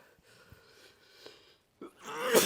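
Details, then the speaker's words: Acted comedy scene of repeated sneezing, possibly allergy: short gasping intake followed by a sharp burst, a sneeze. "How many times do I have to bless you? Do I look like a priest?"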